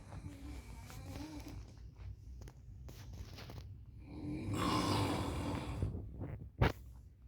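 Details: Snoring: irregular low snorting and fluttering breath sounds with one louder rattling snore.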